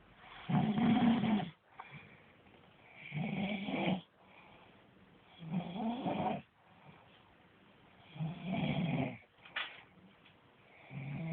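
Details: Sleeping snorer on a different day, loud, low, rattling snores on each inhalation at about 22 a minute with quieter breaths between: snoring.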